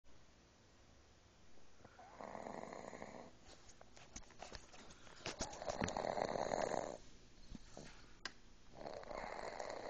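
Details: Infant, 3 months old, asleep: soft, rasping snoring breaths every few seconds, with some clicking noise between them. Light snoring.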